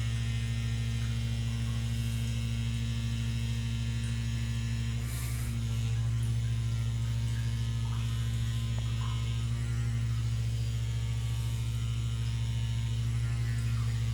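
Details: Percussive vibration massage device acting on the fascia through waves, vibration and percussion during a manual therapy and chiropractic session on a very large, long-tense man, releasing the fascia downward.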